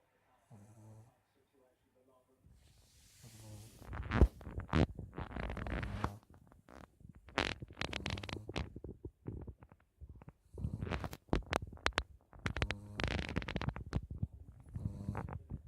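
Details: Sleeping dog snoring: irregular, low rattling snorts and snores in uneven, fairly loud bursts.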